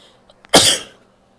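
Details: Woman: a single sharp, explosive burst of air after a brief catch of breath; a sneeze.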